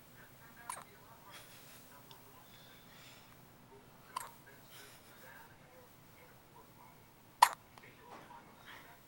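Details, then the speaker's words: Newborn's first hiccups after birth: three brief, sharp catching sounds spaced a few seconds apart in a quiet room. "Here's first hiccups. First hiccups outside of Mommy's belly."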